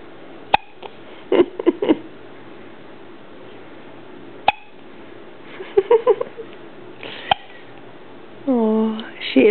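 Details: Newborn girl, 9 hours old, with her first hiccups: brief sharp isolated hiccup sounds at irregular intervals in a quiet room, then a short infant cry at the end.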